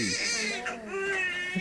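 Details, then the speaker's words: Strong, high-pitched wailing cry of a newborn boy just after delivery in a high-risk maternity unit; a vigorous, reassuring normal newborn cry. "That cry is just the most reassuring, most wonderful thing that you hear in the delivery room. And the louder the better."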